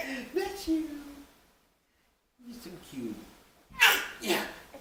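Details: Boy, possibly faking the sneeze: voiced sounds, a pause, then a sharp explosive burst of air near the end, typical of a sneeze.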